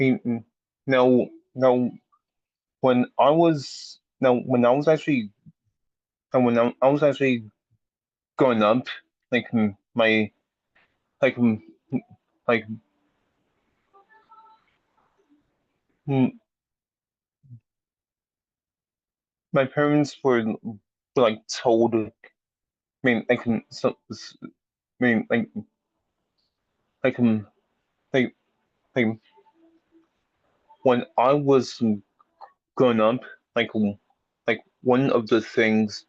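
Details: Adult speech-language pathologist and lifelong stutterer; repetitions audible; stuttering.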